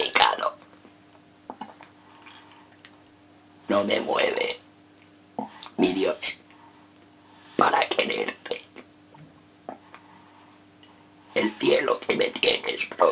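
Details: Male reciting a Spanish sonnet as an esophageal voice exercise; esophageal speech.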